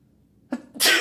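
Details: Adult man sneezing for the first time after taking chhinkni (sneezing powder): a quick intake followed by one loud, explosive burst of air, a single sneeze.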